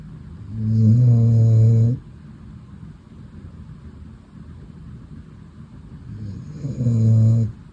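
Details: Pet dog (female) asleep snuggled on the owner's lap, giving two long, loud, low rattling snores about six seconds apart over quiet breathing; ordinary snoring.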